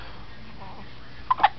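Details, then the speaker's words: Infant with hiccups while being talked to: quiet room, then a sudden short high-pitched catch in the baby's breath, typical of a hiccup. "so i got hiccups i got hiccups yes i do i got the hiccups"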